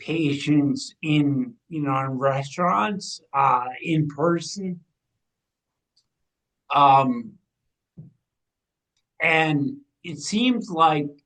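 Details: Ataxic dysarthria in a 45-year-old man with degenerative ataxia from cerebral atrophy, diagnosed around 2013–2014; it affects his movement, balance and speech, and his speech began changing around 2020 as the disease progressed.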